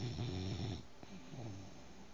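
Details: Sleeping 5-month-old bulldog puppy: low rumbling, snorting snore with a quieter wheezy snuffle as the breath continues: snoring.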